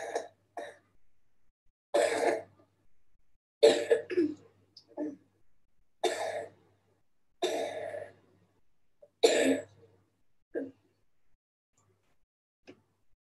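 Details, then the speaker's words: A child with disability and a swallowing problem gives repeated wet, throaty coughs with gurgling secretions in the throat. The coughs clear the upper airway. "this is a wet sounding cough i was talking about this is very very typical you can hear as if there is something in the throat a flaming kind of secretion in the throat"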